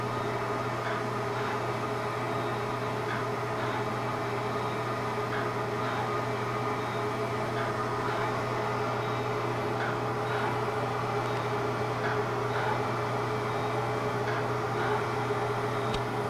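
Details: Live fractional CO2 laser resurfacing (DOT therapy) on an adult woman's sun-damaged neck, moving on to hand: steady machine hum with faint rapid clicking pulses; fractional CO2 laser firing.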